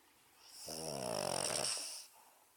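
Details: One drawn-out, raspy, buzzing snore with a hissy edge from a sleeping Boston Terrier, a short-nosed dog breed; snoring.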